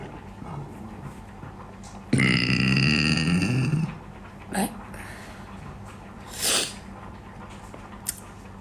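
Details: One long, loud, rumbling belch of nearly two seconds amid crowd noise, during a burping competition match; voluntary burping.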